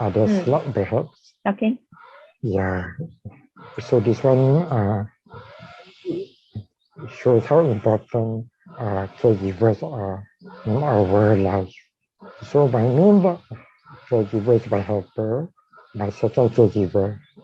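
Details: Dysarthria in a man with ALS, diagnosed in 2018, with a tracheostomy placed in late September of the previous year.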